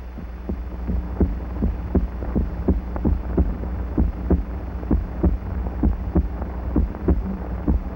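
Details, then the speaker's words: Heartbeat from a 1938 film, amplified thousands of times: regular paired thumps at about 65 a minute over a low hum; normal heartbeat. "The sound of the beating heart, heard only by the physician with his stethoscope, has been amplified thousands of times. We see the heart and still more fantastic. We hear it beat."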